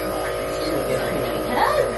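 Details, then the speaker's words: Home nebulizer (breathing machine) treating a sick child: steady mechanical buzzing hum with faint room sounds; nebulizer running. "Yesterday when I put on the breathing machine, well, I've been putting her on it, so it kind of been helping a little bit."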